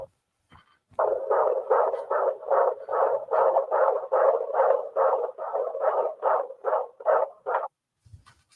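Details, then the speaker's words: Fetal heartbeat recorded on a device at an OB appointment, played back from a toy giraffe: rapid, regular whooshing pulses at about 146 per minute, in the usual fetal range. "you want to hear the baby's heartbeat isn't that amazing"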